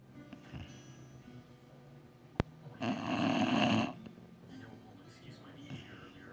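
One loud rough snore of about a second amid quieter breathing noise, with faint background music and voices; snoring from a sleeping dog.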